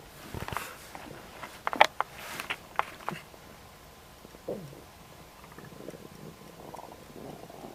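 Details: Adult stomach rumbling just after a snack of ribs: irregular bubbling gurgles and short squeaky, gliding rumbles, ordinary borborygmi.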